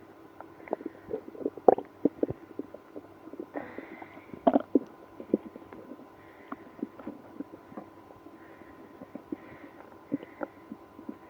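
Irregular gurgling and rumbling bursts with squeaky, drawn-out growls: active bowel sounds, stomach growling in a person with irritable bowel syndrome.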